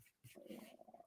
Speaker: my tummy can you hear that good grief right yeah getting there now